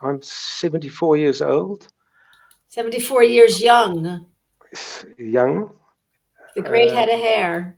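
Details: Older adult man speaking; plain speech.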